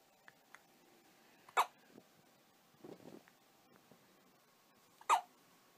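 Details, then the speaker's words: Newborn baby boy on day 2 of life with hiccups: two sharp, abrupt hiccup sounds about three and a half seconds apart, soft breathing and faint rustling between. "JP's just said is doing it for mommy and he's got the hiccups"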